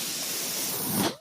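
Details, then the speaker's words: The speaker's own mechanical ventilator, heard while he talks: a steady rushing hiss of air swells briefly, then cuts off, one ventilator-delivered breath. "my name is that noise you're hearing is my ventilator"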